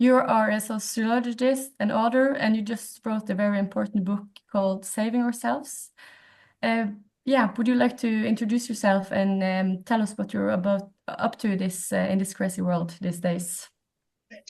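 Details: Adult woman speaking; normal speech.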